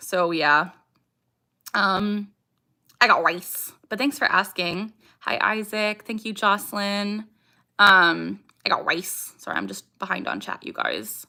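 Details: Young woman with Tourette syndrome whose speech is interrupted by her vocal tic "I got rice"; her other vocal tics are barking and saying "ha"; vocal tics (Tourette syndrome).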